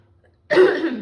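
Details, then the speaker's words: Adult with a hoarse voice, mid-speech, gives one harsh, rough throat-clearing cough that fades away after half a second of quiet. "Ah, j'ai la voix enrouée."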